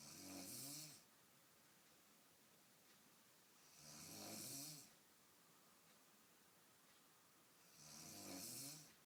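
Three long, rattling snores on the in-breath, about 15 breaths a minute, with quiet pauses between: snoring.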